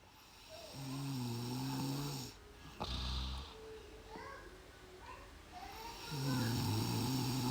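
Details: Snoring in a comedy clip about an anti-snoring strip, with snorts (mendengus).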